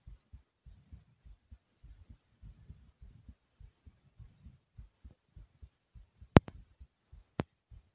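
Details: Quick, soft paired heartbeat thumps at about 100 beats a minute after jumping in place for a few minutes, with two sharp handling clicks; a fast heartbeat after exercise.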